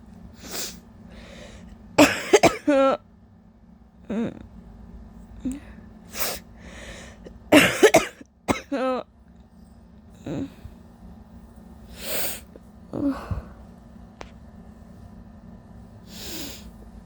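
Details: Adult ill with allergies, sore throat and lost voice: scattered harsh cough bursts with throat clearing and breathy gaps over room hum; scratchy, wet cough in intense coughing fits.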